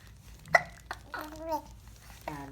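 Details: Young child with hiccups: sharp brief catches of breath with small vocal squeaks between them; hiccups.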